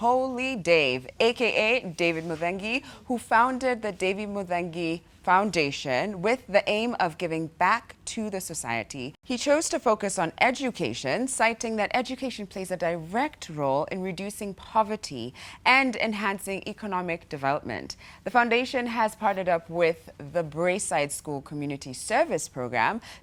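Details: Adult woman, show host; typical speech.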